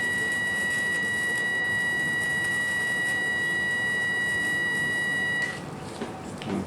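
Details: Steady high-pitched electronic tone with rapid buzzing that stops abruptly as a hyfrecator electrosurgical wand vaporises a naevus on the lower leg of a 29-year-old woman; electrosurgical unit tone.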